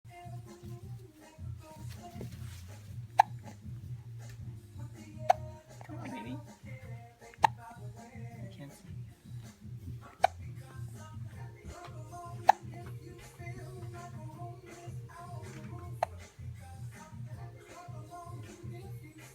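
About six sharp hiccups at roughly two to three second intervals, around 19 a minute, over background music.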